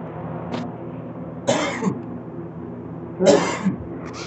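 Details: Two harsh, forceful coughs from an adult man (an uncle), each a short noisy burst with a trailing throaty sound.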